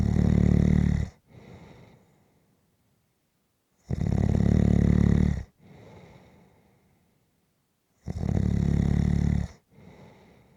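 Loud, regular rumbling snores on each breath in, each followed by a softer breath out, about 15 breaths a minute.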